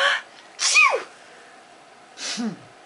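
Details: A baby laughs at her own sneezing: two quick, sharp sneezes, each a burst of air ending in a short voiced squeak.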